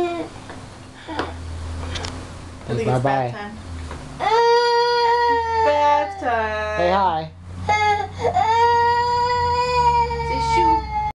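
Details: Infant at dinnertime: sustained, wailing cry in repeated drawn-out bursts with catches of breath between, over low room hum.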